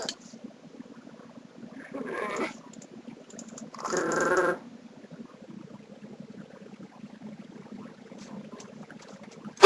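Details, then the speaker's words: Two loud, abrupt voiced gulps a couple of seconds apart in a quiet room from a person with a severe, painful bout of hiccups: forceful hiccups. "Ooh, that one hurt. You see? You see? Oh, that hurt. That sounded funny. Some interesting hiccups."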